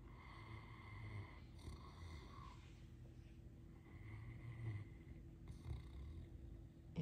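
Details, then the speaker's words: Great Dane dog sleeping on a sofa during an afternoon nap, giving low, soft, rumbling snores with faint snorts while wiggling nose and toes as she dreams; steady background hum. "Is that a nice snore? It's a very pretty snore. This is the snore cam."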